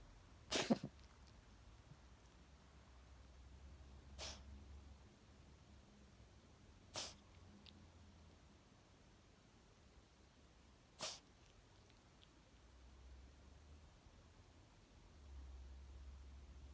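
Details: Kitten sneezing, possibly coughing: four brief, sharp sneezes spread over about seventeen seconds in a quiet room.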